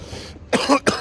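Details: Two harsh cough bursts outdoors after a faint breath, the second short and sharp; an adult coughing after inhaling from a 2g disposable vape.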